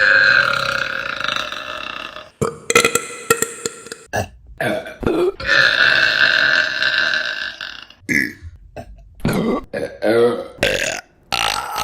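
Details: Burping compilation: a series of loud, long, rumbling burps in quick succession, some drawn out, others short and choppy.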